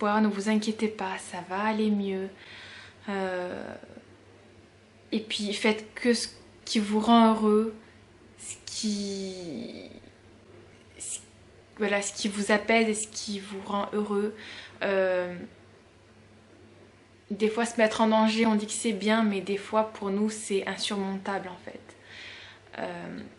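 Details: 32-year-old woman who has stuttered since about age 4-6, noting it worsens when tired, rushed or emotional; stuttering.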